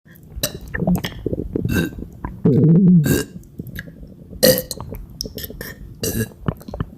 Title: Badly bloated non-stop burps for 6 minutes 💓💓💓